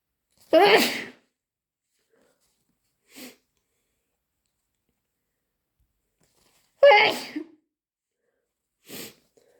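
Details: Person with a cold: two forceful sneezes, each followed a couple of seconds later by a brief sniff or nose blow; sneezing.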